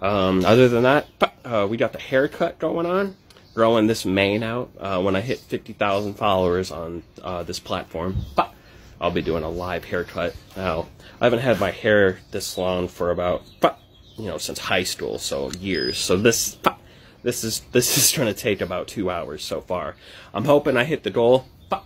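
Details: Adult male comedian from Texas with Tourette syndrome who makes tic noises; vocal tics (Tourette syndrome).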